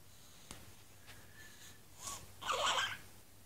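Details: A three-week-old baby makes brief snorts, a squeaky catch and noisy grunting breaths while sleeping; ordinary newborn sleep noises.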